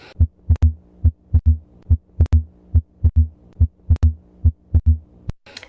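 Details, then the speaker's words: Teaching example of a widely split S2: a regular heartbeat near 70 a minute with each second sound clearly doubled. It can reflect volume overload or electrical delay in right bundle branch block. "abnormal splitting refers to when the s2 sounds are widely split and that can be reflective of volume overload or electrical delay in a right bundle branch block"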